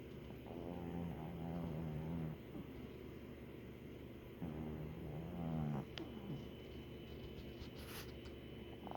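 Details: Gentle snoring during sleep: soft, low rattling breaths in slow repeating cycles over a quiet background hum.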